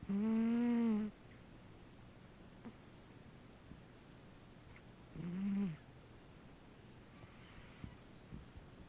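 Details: Sleeping cat: two short, pitched, nasal snoring sounds separated by a quiet pause; ordinary snoring.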